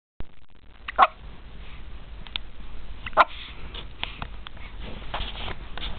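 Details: Hiccups: two sharp, abrupt hiccup bursts about two seconds apart over soft sniffing and room noise.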